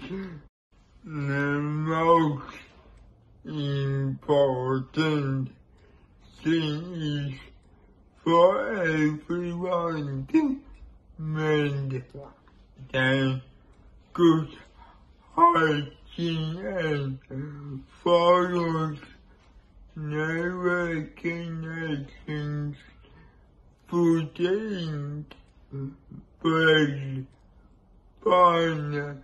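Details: Male speaker with cerebral palsy and compromised immunity; dysarthria (cerebral palsy).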